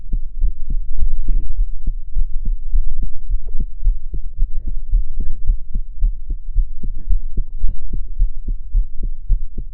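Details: Own heart sounds recorded from chest while crying: regular low thumping heartbeats at roughly 130 a minute, quick and steady.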